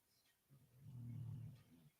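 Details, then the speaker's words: A single drawn-out, low rumbling breath from a sleeping female dog in a quiet room; loud snoring. "can you hear my dog snoring she's so loud um it's been a long day"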